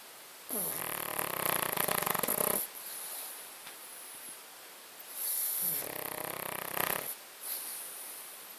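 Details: Loud rattling snores with a whistly edge on each in-breath, about every 4 to 5 seconds, from a sleeping pug, snoring every night.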